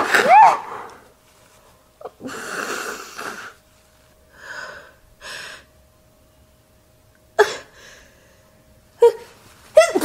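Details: Female sneezing messily into a tissue: several sharp explosive bursts with wet, snuffly breaths between them in a quiet room; repeated sneezing with nasal congestion.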